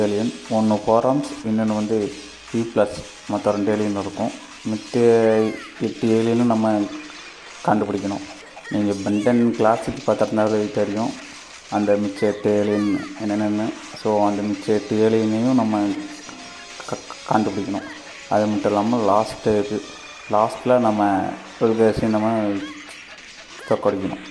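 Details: Gamer narrating in Tamil who says he stammers a lot, not a little, with repeated pauses while speaking; stuttering.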